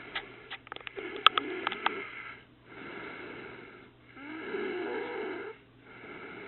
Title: Sister Snoring Part 2